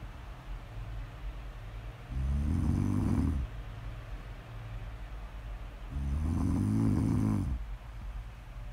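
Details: A person snoring in sleep, recorded as ASMR: two low, buzzing rumbles on in-breaths about four seconds apart, with steady room hiss between them.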